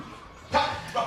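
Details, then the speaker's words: Acted sudden short bark-like vocal burst from an adult man with Tourette syndrome, a simulated vocal tic portrayed in a dramatization about a teacher with Tourette's. "So I decided it wasn't Tourette's. I just hadn't found the right school yet. I'd keep barking, and I wasn't quitting until I found that principal."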